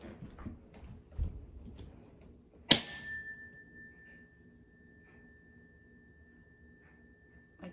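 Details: Rinne tuning fork test.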